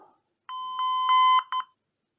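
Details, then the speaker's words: Ambulance patient monitor (pulse ox, ECG, blood pressure cuff) powering on: steady electronic tone with several short start-up beeps, then silence. "so when you start off machine on its power light on the top keep a few times and then it turns on"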